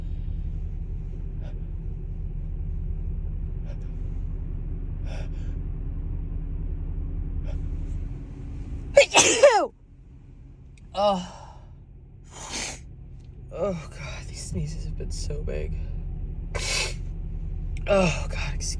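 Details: Over steady car engine hum, one large explosive sneeze then several smaller sneezes and gasps; repeated allergic sneezing from a woman allergic to dust, nose tickling, in February.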